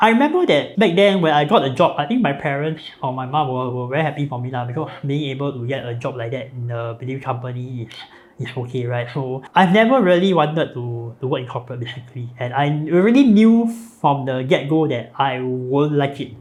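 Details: Man with a speech impediment since childhood, born with cleft lip and palate; palate repaired, with numerous facial surgeries from age 13; difficulty pronouncing some words; cleft palate speech with hypernasal resonance.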